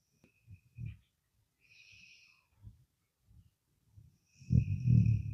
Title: I caught my dog snoring LOL🤣